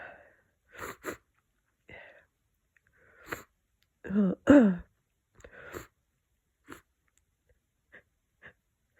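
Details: Person with a cold, congested: sniffs and several wet, congested sneezes with snuffly breaths between them.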